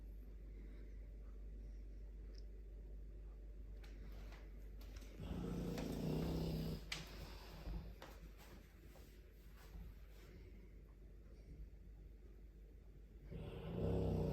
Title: Dogue de Bordeaux - Black belt in karate or blue socks in snoring 💤 🥋🤠😂🔊📢?